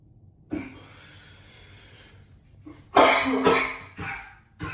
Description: coughing up a lung in the echoey bathroom 😮‍💨